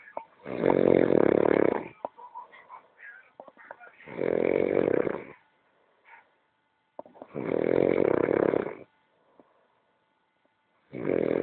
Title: canonito roncando